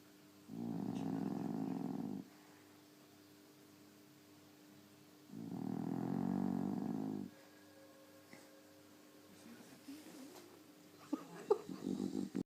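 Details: Female dog snoring while asleep: two long, buzzing snores with quiet gaps, followed by faint household noises.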